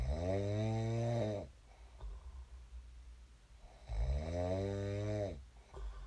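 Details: Person's own sleep snoring in a small room, recorded before waking: two long, low, buzzing snores on inhalation, about two per six seconds, with quiet breathing between.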